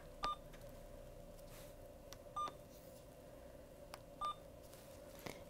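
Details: Infusion pump programmed in a nursing lab for a secondary-line vancomycin infusion, 500 mg in 100 mL over 60 minutes at 100 mL/h: three short, clean electronic beeps a couple of seconds apart with soft keypad clicks in a quiet room.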